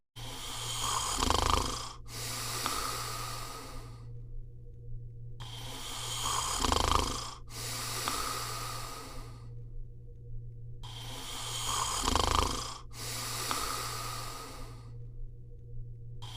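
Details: Male Landseer Newfoundland dog sleeping, loud regular snoring, each breath a rasping draw and hissing exhale about every five seconds over a steady low hum.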